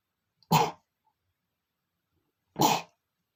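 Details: Sneezing in a male in a dusty room: two short, sharp sneeze bursts about two seconds apart.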